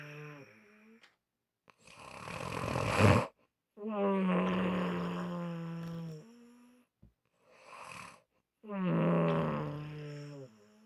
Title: Unusual Snoring Sounds